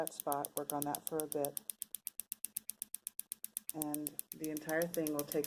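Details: Elvation Wellwave extracorporeal shockwave therapy (ESWT) device applied to the foot with gel and a cone applicator: rapid, sharp clicking pulses at about 3–4 per second, with a voice talking at the start and end.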